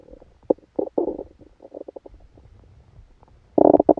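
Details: Stomach sounds recorded during a stomachache after Christmas dinner while the person slept: irregular gurgling and bubbling rumbles with a loud burst at the end; active bowel sounds.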